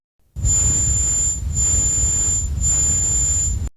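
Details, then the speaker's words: Simulated high-pitched tinnitus: steady piercing whistle over a low rushing hiss. "and having a ringing in my ear afterwards, which I thought was just part and parcel of going to that gig, of course, one day that ringing never stopped. And at that point, I realised that I had tinnitus."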